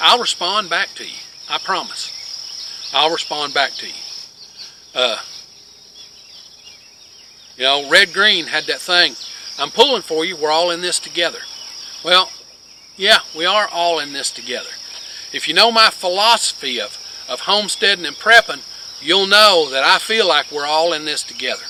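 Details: Adult man with long-standing multiple sclerosis, with word-finding difficulty, who quit teaching physics because of it; finding: scanning speech (ataxic dysarthria).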